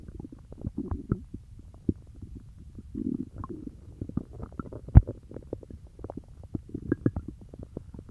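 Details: Stomach growling after eating peanut butter: soft gurgles, bubbling and irregular low rumbles from the belly; bowel sounds.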